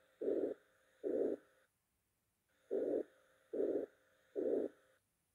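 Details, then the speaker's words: Repeated even, blowing murmurs at steady loudness fill each systole from S1 through S2, possibly overshadowing the valve closure sounds. Pansystolic (holosystolic) murmur. "systolic or hollow systolic murmurs last throughout ventricular systole they usually start at s1 and proceed through s2 the intensity of the murmur may overshadow both wall closure sounds"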